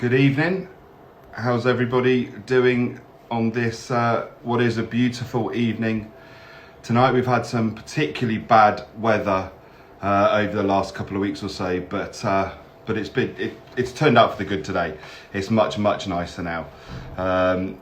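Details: Adult man speaking; Normal speech.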